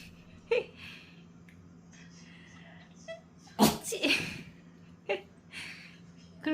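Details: A dog play-sneezing when happy and excited about going for a walk: several short, sharp nasal bursts among quiet talk; normal excitement behaviour.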